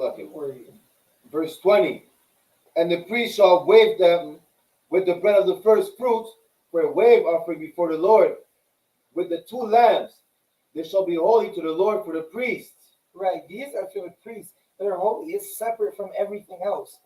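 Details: Adult reading aloud; Normal voice.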